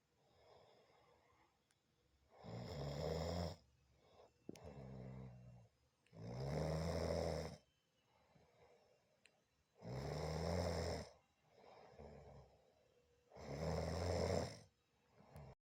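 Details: Wife snoring: loud, rough snores on each in-breath, about 17 breaths a minute, with quieter out-breaths between; habitual snoring.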